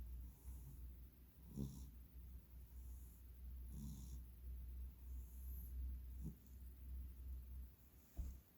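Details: Three-year-old male giant cat snoring while sleeping: soft, rhythmic snores at about 26 breaths a minute over a low steady hum.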